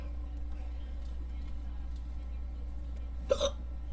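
A single abrupt, gulping hiccup near the end over a steady low hum; an ordinary hiccup.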